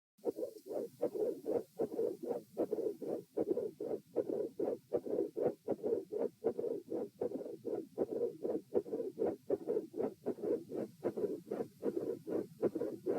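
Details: Heart recorded at position E: regular beats about 77 a minute with a soft whooshing mid-systolic murmur; patent foramen ovale / atrial septal defect.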